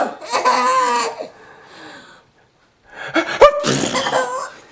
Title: Sneezes & Giggles